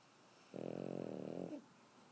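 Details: Boston Terrier puppy: a single loud, rattling snore on the in-breath lasting about a second, quiet before and after; snoring.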